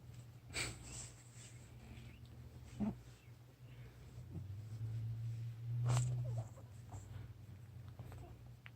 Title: Fat cat snoring